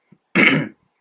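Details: Adult male with Tourette syndrome, a neurological disorder; one of his tics is a slight throat clearing, heard while he describes his aggressive motor tics; vocal tic (throat clearing).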